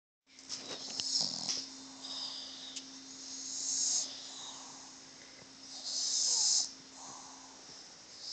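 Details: Sleeping Boston Terrier snores loudly with harsh, hissing breaths at about 20–23 a minute: snoring.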